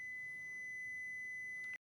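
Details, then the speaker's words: A defibrillator gives a steady high-pitched tone that ends abruptly as the shock is delivered. This is a simulated gym collapse in an AED staff-training demonstration, and no one should touch the patient. "Shock delivered. After this, you may need to start CPR."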